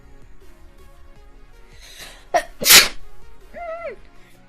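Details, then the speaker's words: A single loud explosive sneeze after a quick indrawn breath, then a short vocal sound, with soft music behind; an ordinary sneeze while the speaker talks on camera and apologizes for it. "So, I have to sneeze. It's so annoying in the middle of my video. Sorry."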